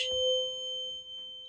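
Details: Tuning fork struck for the Weber hearing test, ringing with a steady pure tone; with a left-sided sensorineural loss such as acoustic schwannoma, the tone would sound louder in the right, good ear.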